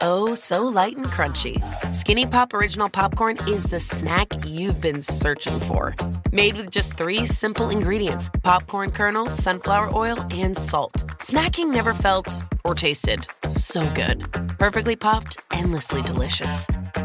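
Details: Adult female speaker; normal speech.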